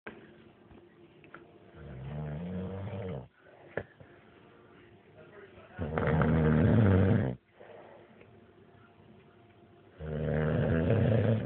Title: Dug havin yet another snore